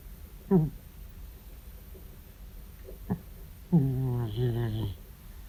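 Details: 14-year-old male cat making sleep vocal noises: short humming grunts and a longer wavering hum-like snore over low background hum; snoring.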